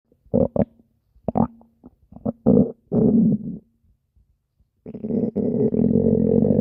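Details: Stomach growling (borborygmi), recorded as a request: low gurgling and rumbling bursts with gaps, then a long sustained growl, a normal bowel sound.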